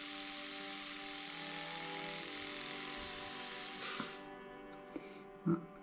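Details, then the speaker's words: SybronEndo M4 Safety reciprocating endodontic handpiece driving a pre-curved size 8 manual file in the mesiobuccal canal of an extracted tooth, speed raised to 5000: steady high-pitched motor whine with hissing rush that cuts off near the end. "Ok, si ça n'avance plus, on va voir, je vais peut-être un petit peu augmenter la vitesse. On va mettre 5000 tours par seconde. Ça, c'est déjà beaucoup plus rapide."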